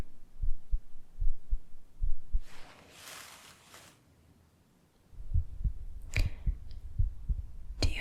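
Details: Normal heartbeat sounds heard through a stethoscope during an ASMR roleplay home cardiovascular examination.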